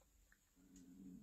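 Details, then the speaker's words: An adult's stomach rumbles audibly (borborygmi) during a card-making tutorial: a quiet room, then a low, warbling, gurgling growl rising over the last half-second. "my gosh can you hear my stomach rumbling oh my goodness"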